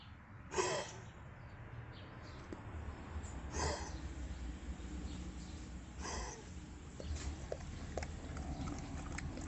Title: Кашель у собаки